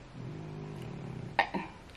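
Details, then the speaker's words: Sleeping dog snoring: a low, rumbling snore followed by two short snorting puffs of breath. "you hear the snoring he's so sweet I just love it just makes me happy"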